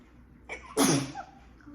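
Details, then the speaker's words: During an allergic sneezing fit that began suddenly while she was talking, there is a short in-breath and then one loud, explosive sneeze, the first of several big sneezes. "sorry i don't know where that came oh sorry i'm oh that was big i'm sorry i'm having some big sneezes thanks sorry"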